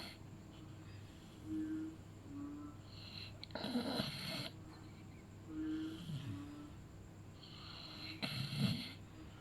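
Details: Beagle snoring while asleep: soft, irregular snoring with brief whistling tones and snorting breaths, about 13 a minute; ordinary snoring.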